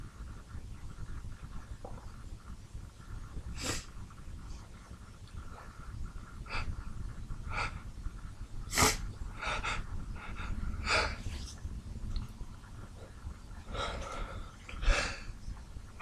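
Repeated bursts of sneezing and sharp snorting breaths, some sneezes seemingly held back, over a noisy background; a sneezing fit.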